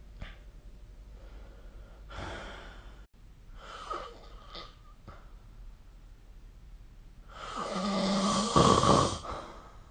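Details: Snoring recorded with the SnoreLab app during sleep: rough, rattling breaths in a quiet room, building to one loud snore near the end.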